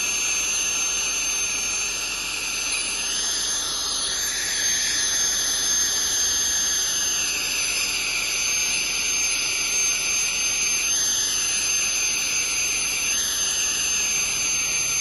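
Steady high-pitched whine and hiss with rising squeals as the instrument touches teeth, the sound of ultrasonic scaling and air-polishing during a dental cleaning.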